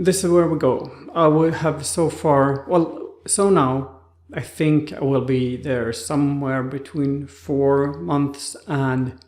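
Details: Aphasia after stroke in an adult man, about two months into rehabilitation, expected to stay four months or longer.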